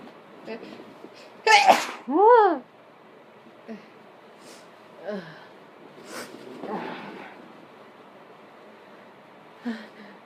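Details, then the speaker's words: Sneezing deliberately induced by sniffing pepper: two loud sneezes in quick succession, the second with a rising-falling voiced cry, then quieter sniffs and breaths. "so um I am sniffing pepper while trying to uh do some sneezes that one was kind of messy"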